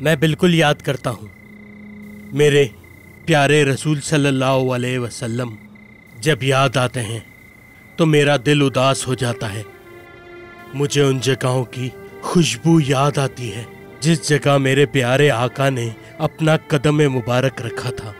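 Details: Adult man, acted dialogue; normal speech.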